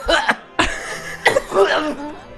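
A few short, harsh cough or throat-clearing bursts from an adult, with some background music.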